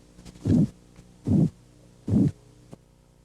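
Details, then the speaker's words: Blood pressure auscultation, Korotkoff phase 2: three regular low thumps at about 73 a minute, each tap now accompanied by a soft swishing murmur or crackling quality that marks the start of phase 2. "al comienzo de la fase korotkov 2 El golpeteo está acompañado de un murmullo o de sonidos de crujidos"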